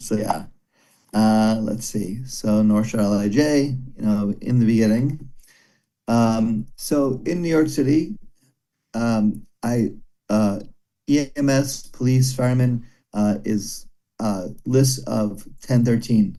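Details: Broca's aphasia in a man after a stroke during heart valve surgery about 17 years ago; comprehension reported intact, speaking very hard; daily speech therapy, improving slowly.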